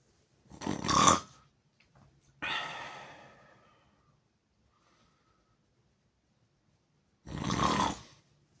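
Three loud, rough, rattling breaths with long silent pauses between them. Heavy snoring.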